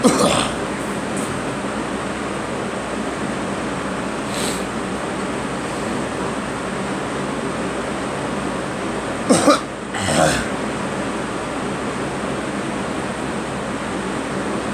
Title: Me coughing